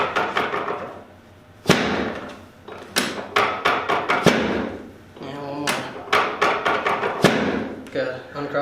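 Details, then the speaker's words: Several sharp thuds and clacks from chiropractic drop-table torquing drop adjustments of a sacrum locked on both sides, with brief voice sounds between them. The woman has lifelong daily headaches and weekly migraines. "so I'm going to do the torquing drop and we're going to do some on that right side some on the left side so you can break up some adhesions in this little back area"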